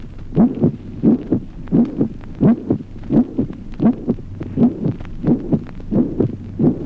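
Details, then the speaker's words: Resonance of the first heart sound: regular heartbeat near 87 a minute with a loud, ringing, musical timbre to some isolated first heart sounds. "Resonancia del primer ruido. Timbre musical exultante de algunos primeros ruidos aislados."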